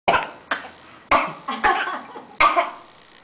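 Five harsh, honking coughs from a dog in quick succession in a small room; a repeated dog cough.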